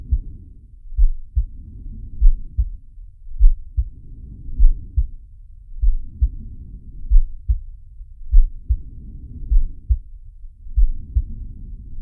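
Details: Sharky's heartbeat and breathing sound, from the Zig and Sharko cartoon: low, regular paired heart thumps under slow rhythmic breaths, about five breaths in twelve seconds, heard as through a stethoscope.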